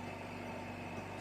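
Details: Oxygen concentrator (0–5 L/min, with humidifier) just switched on, oxygen percentage still rising: steady low motor hum and whir of the running machine.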